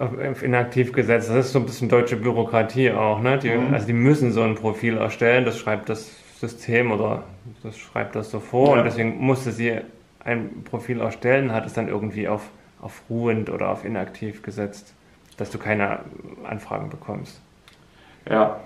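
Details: Adult man speaking German; Ordinary speech.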